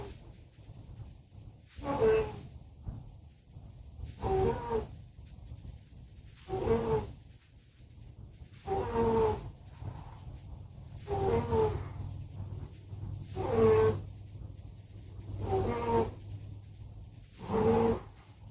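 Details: Two pets, Simba and Prissy, snoring very loudly: regular snores at about 26 a minute with a rattling, buzzing quality on each breath.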